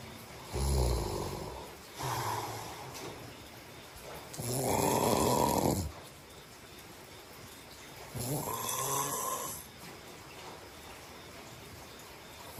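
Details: Person's snoring: three loud, rough snores in about twelve seconds, each a long fluttering breath in with quiet gaps between, in a quiet room.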